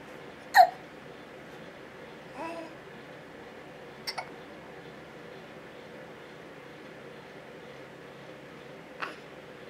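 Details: A baby boy having hiccups, recorded with a camcorder in a quiet room: a few short, sharp, spaced catches of breath; hiccups.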